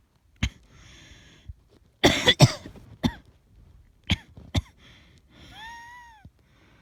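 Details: Asthmatic cough: about six dry, harsh coughs in short bouts, with a brief high-pitched squeaky sound near the end.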